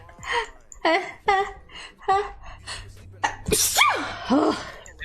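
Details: A single sneeze from a vtuber: quick breathy catch-breaths building to a sharp explosive burst, then a voiced gasp; sneezing.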